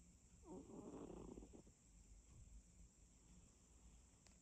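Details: Snoring, apparently from a cat (tagged cat): one rough, fluttering snore against faint background hiss, followed by quieter breathing.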